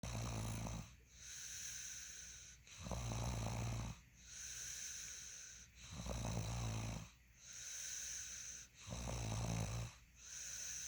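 Regular rattling snores on each breath in, with quieter hissing breaths out, about 20 breaths a minute; snoring.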